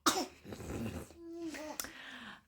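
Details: Dry cough in a child at home: a sharp cough burst, a brief voiced whining sound, then a second short cough in a small room.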